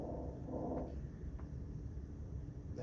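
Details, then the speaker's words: Classroom auscultation demonstration of normal vesicular breath sounds: soft, low, rustling breathing, with longer inspiration fading into a shorter, quieter expiration. "your normal vicular breath sound. You can hear it. Little more little longer. You can hear inspiration than expiration."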